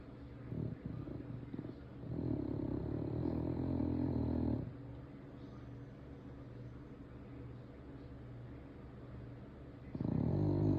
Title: Dang this dog can snore 💤 #dogslife #dogsnoring #myhappyplace